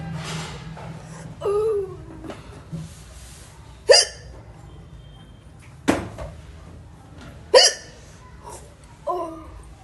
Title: || Indian Woman Hiccups || || #hiccups #indian #woman ||